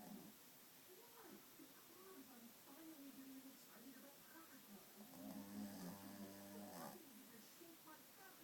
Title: Sleepy Willow | Ridiculously fluffy dog snoring it's head off! - August 2013